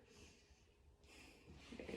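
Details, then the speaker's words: Normal breath sounds heard by stethoscope during a nursing chest exam of a female patient taking big breaths; soft, airy, clear breathing with no adventitious sounds and no accessory muscle use. "so her bread sounds were clear there was no adventitious sounds uh noted and she breathes normally with no use of her accessory muscles"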